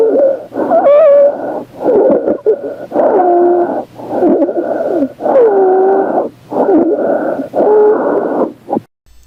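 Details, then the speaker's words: Stridor recorded at the mouth of a child with respiratory obstruction: loud, harsh, high-pitched crowing noise with each breath, more common in inspiration and dramatic even without a stethoscope. "este dor costuma ser um som de caráter bem dramático ao escutado sem o estetoscópio este som foi gravado junto à boca de uma criança que apresentava uma obstrução respiratória"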